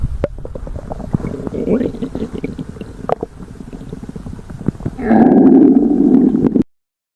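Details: Low rumbling and gurgling from the belly ending in a loud drawn-out growl; ordinary stomach growling (borborygmi).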